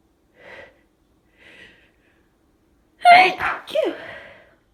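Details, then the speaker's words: Repeated sneezing attributed to allergies: two soft sneeze-like bursts, then a loud sneeze with a sharp voiced gasp. "Oh. Oh. God, so itchy. It's stuck. Oh, God. Look at it. Sneeze. Ugh."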